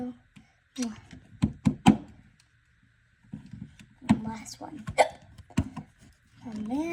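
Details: Child with hiccups: abrupt short catches of breath mixed with voice, consistent with hiccups.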